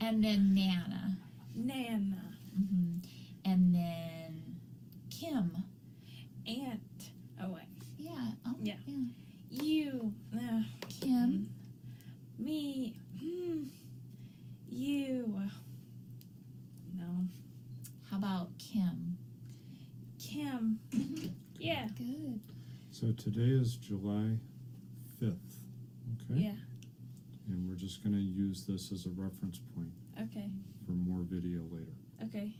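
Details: Woman about 4 years after a 2019 ruptured brain aneurysm with intracranial and subarachnoid hemorrhages that initially left her unable to speak, followed by 5 brain surgeries in 7 weeks; aphasia with apraxia of speech.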